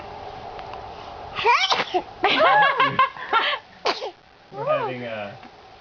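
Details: Baby sitting up; small vocal squeals and a quick sharp sneeze amid room noise; an infant sneeze.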